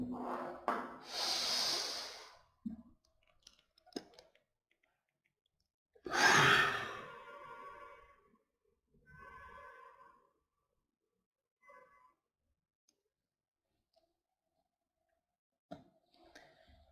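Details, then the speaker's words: Deep inhale, then one hard, fast, complete exhalation into a turbine peak flow device linked to a phone app, followed by faint device tones; a forced exhalation for a peak flow respiratory test. "Then press the skip button and exhale all the air of your lungs into the device as much and as fast as you can and then wait for the results."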